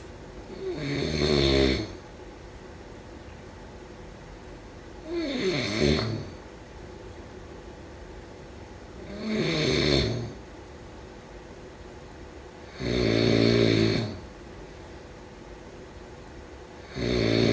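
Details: Adult snoring in sleep: rattling, buzzy snores on each breath in, roughly every four seconds, about 15 a minute, with quiet room hiss between.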